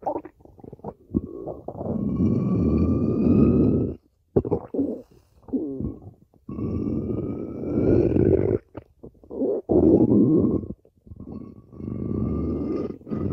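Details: Stomach growling: long, low gurgling rumbles with bubbling runs and brief pauses; loud, ordinary bowel sounds (borborygmi).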